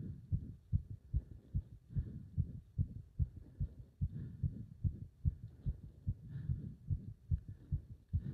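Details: Pounding, strong, regular, fast heartbeat at about 145 a minute during leg-wrench exercise, with throbbing felt up to the subclavian artery; rapid forceful heartbeat during exercise.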